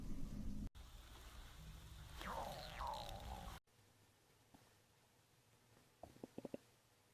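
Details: A woman's stomach growling from hunger, accidentally caught while filming: a drawn-out gurgling growl with rising and falling pitch, then a few soft pops.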